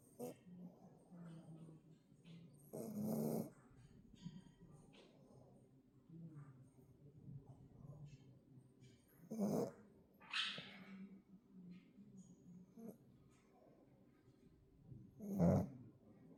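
Soft low snoring with occasional louder snorting breaths and a faint whistle among quiet room noise; a flat-faced dog snoring.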